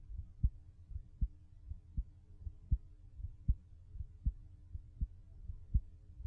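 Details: Quiet, regular low heartbeat thumps at about 80 beats a minute, recorded in a studio from outside the body with a microphone half a foot away, levels adjusted during recording; normal heartbeat.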